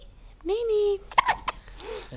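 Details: Young girl, still in diapers, gets recurring hiccups again after getting dressed and eating breakfast: a brief voiced sound, then three sharp, abrupt catches in quick succession.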